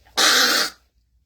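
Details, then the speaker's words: Single harsh, forceful throat clear of about half a second, cough-like, clearing mucus in an adult woman who had been coughing a lot after windy outdoor air the day before. "i'm sorry but this is what i do when i have to release all the excess stuff okay because i'm telling you that air outside yesterday was so intense i was getting fertilized left and right"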